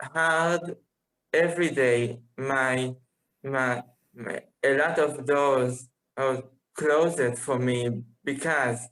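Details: Musician who says he has been a person who stutters for almost 21 years; stuttering.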